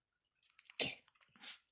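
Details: A small Chihuahua, the youngest of three, sneezing on command for a treat after being prompted and acting camera-shy: a brief snuffle, then a sharp, tiny nasal sneeze and a second softer puff.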